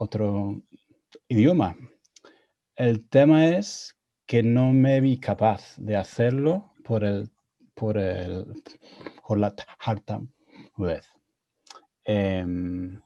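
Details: Adult man with real stuttering speaking Spanish, his second language, learned after moving to Spain at 22; he reports his stuttering was more severe in Spanish while learning it; stuttering.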